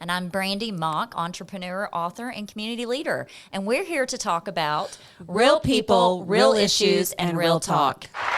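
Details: Adult woman; typical speech.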